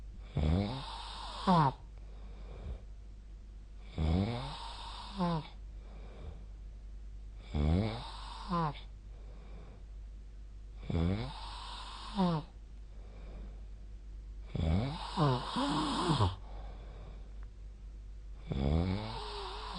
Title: 🐽 本日のイビキ / Snoring Sleep Sound 2025/02/21